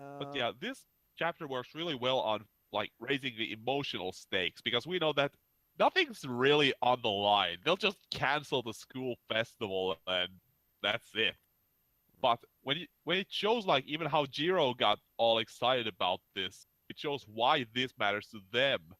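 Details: Adult male speaker; normal speech.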